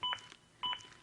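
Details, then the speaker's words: Zoll AED Plus demonstration during chest compressions with Real CPR Help: two crisp electronic beeps about half a second apart, an adaptive metronome pushing compressions to at least 100 per minute; AED CPR metronome beeps. "beeps act as an adaptive metronome that monitors my compressions and tries to speed them up to at least 100 per minute"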